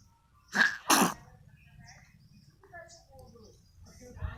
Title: cute baby funny sneezing